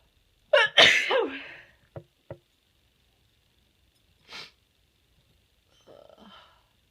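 A loud forceful sneeze with a sharp inhaled lead-in, followed by faint sniffs and small sounds in a quiet room.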